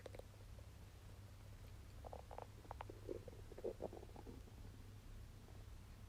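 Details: Ordinary stomach rumbling during digestion after eating wagyu steak: quiet gurgles and short bubbling rumbles over a steady low hum.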